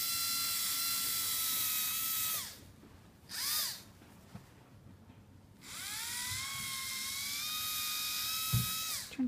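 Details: Whole-mouth polishing with prophy paste, using an extraoral fulcrum on the patient's chin: high-pitched slow-speed handpiece whirring in bursts with brief pauses, spinning a prophy angle.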